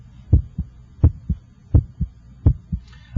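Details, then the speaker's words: Heart auscultation at the apex with an electronic stethoscope, timed against the radial pulse. Regular paired heart sounds at about 85 a minute, S1 louder than S2: normal first and second heart sounds. "I can hear your first heart sound and I can hear the second heart sound the first hot sound should have a louder quality in this apical"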